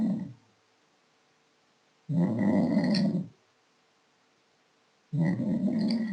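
Loud, low, rattling snores on each breath in, about 20 a minute, with silent pauses between; heavy snoring.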